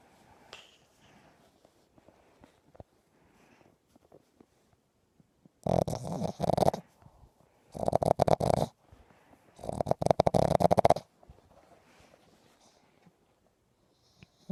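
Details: Small dog snoring while sleeping: three loud, rattling snorts a little over a second long, with soft breathing between.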